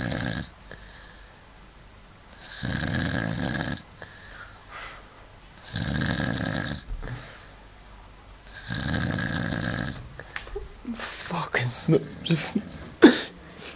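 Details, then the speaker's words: Sleeping person gives three loud, rough snores roughly every three seconds with quieter breaths between, keeping roommates awake, followed by rustling and handling noise: heavy snoring during sleep. "Look at the horse trying to sleep here and the fucking snore together."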